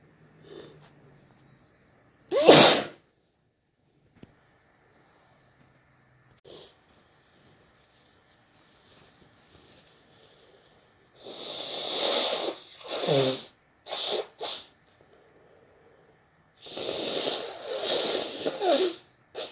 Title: more wet sneezes